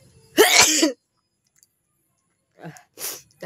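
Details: Sneezing deliberately induced for a sneezing challenge, with eyes watering: one loud, explosive sneeze followed by softer breathy sounds. A sneeze.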